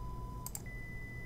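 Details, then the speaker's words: Self-administered pure-tone hearing test by a person worried about hearing damage, one ear seeming better: steady soft beeping test tones over faint room hum, one noted as loud. "click yes when you hear the tone oh that's loud yep"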